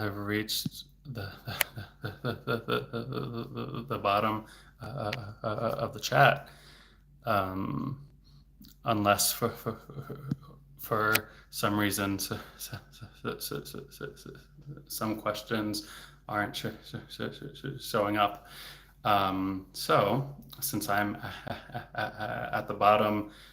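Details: Adult male speech-language pathologist who has stuttered since age 8, with speech therapy off and on until his early 20s; word and part-word repetitions are audible; stuttering.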